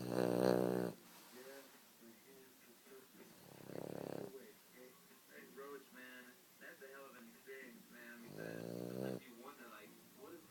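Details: Three loud rattling snores, each about a second long, with quiet breathing and soft noises between them; snoring.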